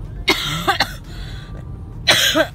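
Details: Adult with a chronic cough, suffering massive night-time cough attacks and days without sleep, seen by a doctor and taking codeine that has not helped the cough; chronic cough.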